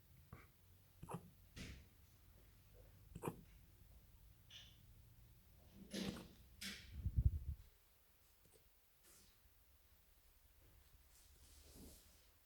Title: 10 week old Eurasier puppy having a hiccup (19-Jul-2018)